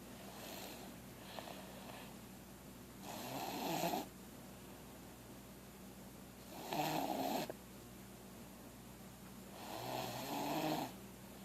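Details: Loud, rough snores from a sleeping 3-year-old child, about 18 breaths a minute, each lasting about a second.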